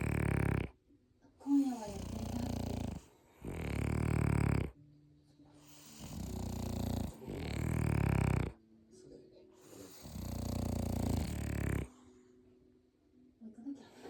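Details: French bulldog brothers snoring together: loud, rough snores in long, overlapping bursts with quieter breathing between, a chorus of snores.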